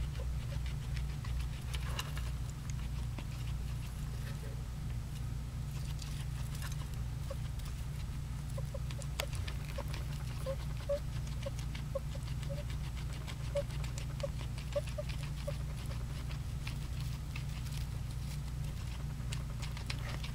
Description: Puzzle piggie wheezing during breakfast.